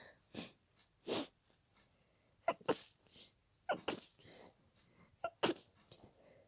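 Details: Trying to stay quiet in a shared room: a run of short, muffled, held-back sneezes with quick breaths between, after increasing nose tickle; fit of stifled sneezes.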